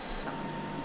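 Steady mechanical hum with a faint constant tone: a laser treatment device running.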